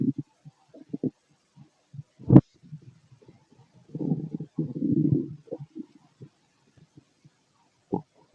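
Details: Male stomach noises during digestion: scattered gurgles, a sharp pop and a longer bubbling rumble from the abdomen in a quiet room; ordinary bowel sounds (borborygmi).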